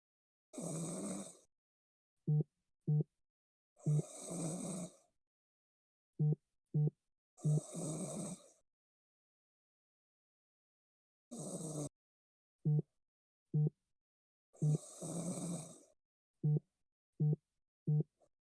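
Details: Five long, rough breathing sounds at regular intervals, each followed by short soft grunts or clicks, in a quiet room; rhythmic snoring during sleep.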